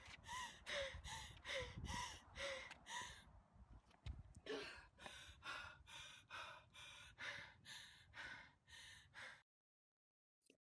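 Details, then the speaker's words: Loud, harsh, noisy breaths with tonal wheezing in an athlete just back from a run, exercise-induced inspiratory stridor localized to the upper airway. "I hope you could hear the clear and evident wheeze and a localization of the symptoms to the upper airway."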